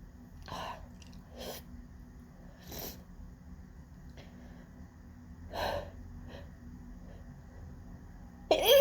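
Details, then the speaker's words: About five sneezes in quick succession, some with sharp intakes of breath before them, within a long intense out-of-control sneezing fit recorded in an office on a windy day, with pollen blamed. "I feel like I'm never gonna stop. I don't even know what that was. Okay, that might be done. Just like, oh my God, that was such an intense fit."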